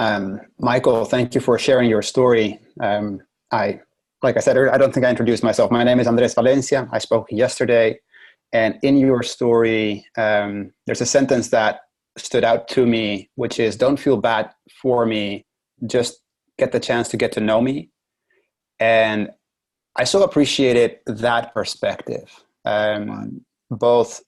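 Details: Adult male speaker; normal speech.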